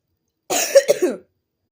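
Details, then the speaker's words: A person coughing up a lot of mucus, told to get tea or cough drops: a single harsh, rattly cough with a throat-clearing quality, a productive wet cough. "Well, I think you should get some tea because you're coughing out mad mucus."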